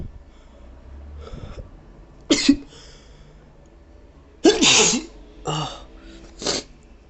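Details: Adult with sensitive nose from allergies, about four forceful sneezes in quick succession; allergic sneezing fit.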